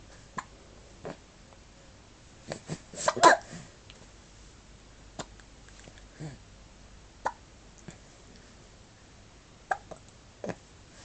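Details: Adria: short, abrupt catches recurring every second or two, about a dozen, in a quiet room: hiccups.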